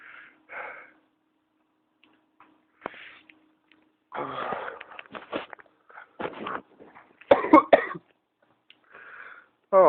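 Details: Real, first-person pertussis (whooping cough) fit about two weeks into illness, test done: strained gasps and a run of rapid, forceful coughs with high breathy intakes between; fits recur roughly hourly, sometimes with dry heaving.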